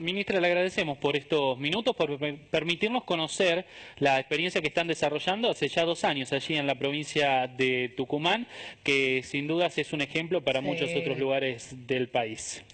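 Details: Adult male speaker; typical speech.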